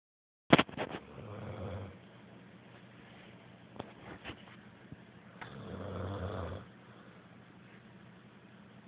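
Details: Two soft, rough snoring breaths about four seconds apart after handling noise at the start; sleeper snoring.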